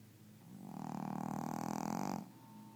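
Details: Gidget, a sleeping dog, snoring: a single long, fluttering, rumbling snore.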